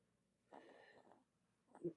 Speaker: Oops. My My dog is snoring. The bur is You would call that sound asleep big time.